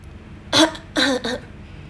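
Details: Vocal tic (throat clearing), presented as an example of Tourette syndrome.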